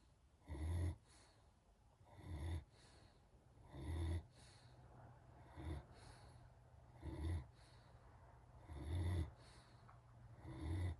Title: Snoring German Shepherd #gsds #dog #germanshepherd